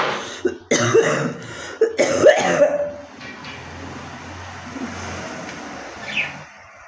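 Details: Real cough-and-spit challenge recording of a woman with long-standing phlegm, coughing until nearly retching: several harsh, wet coughs and throat clearing, then a spit, over traffic noise; productive cough.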